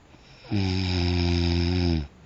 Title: Snoring